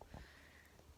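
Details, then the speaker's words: Female dog lying under the camera: a quiet, brief nasal snort, a small sneeze, possibly snoring. "is my dog and she's having a good little sneeze and she's right underneath the camera"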